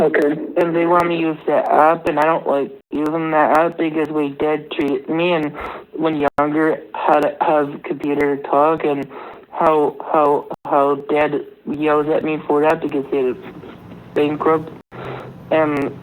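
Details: Speaker reporting language struggles, with words hard to get out and the mouth hard to move at times; speech therapy suggests an AAC app, auditory processing disorder is mentioned, speaker wonders about 'expressia': expressive language disorder.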